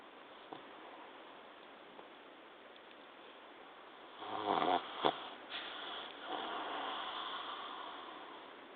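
Quiet room with rough, rattling breathing noises on the breath, typical of snoring.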